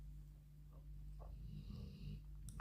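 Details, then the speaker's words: Quiet, low rumbling snoring from a sleeping dog over faint room noise; ordinary snoring during sleep. "Ah, il ronfle, Marty. Voilà, on l'entend ronfler."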